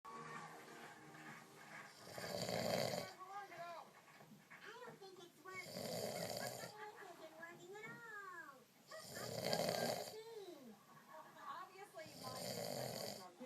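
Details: Adult man snoring, loud enough to keep his partner awake, though he says it's not bad: loud rasping snores about every 3–4 seconds, roughly 19 a minute, with a voice and music behind.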